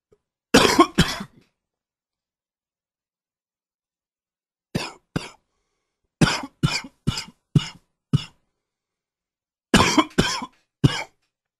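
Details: Cough with a cold setting in: about a dozen short coughs in clusters separated by silent gaps.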